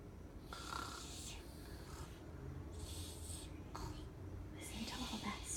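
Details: Sleeping dog snoring in deep sleep in its bed: soft, snuffling snores with airy, hissing breaths about every second against low room noise.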